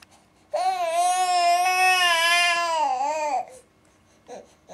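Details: Infant fake crying for attention with no tears: a single steady, drawn-out wail of about three seconds.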